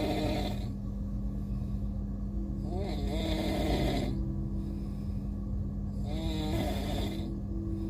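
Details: Person asleep on a moving Indian railways train; rough, rattling snores every three to four seconds over the steady rumble and hum of the train; snoring.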